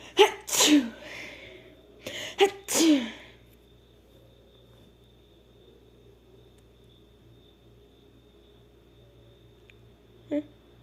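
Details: Female sneezing: two sharp sneezes in quick succession, each preceded by an indrawn breath, then quiet room noise and a faint click.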